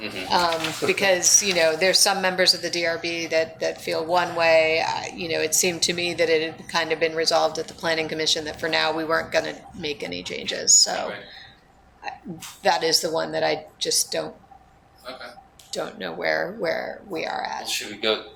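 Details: Adult man with spasmodic dysphonia, which he calls basically localized epilepsy; he links his voice to a fall off a cliff in an extreme skiing championship that left his throat 'gunked up'. Finding: spasmodic dysphonia.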